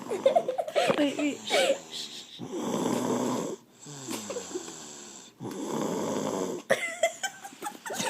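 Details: Snoring from a very tired female sleeper: two long, rough, rattling snores with voices and laughter around them.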